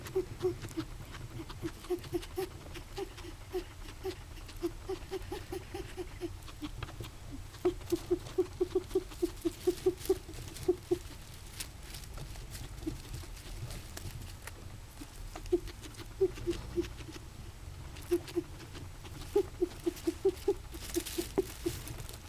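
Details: Guinea pig making recurring morning bursts of rapid, squeaky, wheeze-like sounds in rhythmic trains; owner unsure of cause, describes it as wheezing.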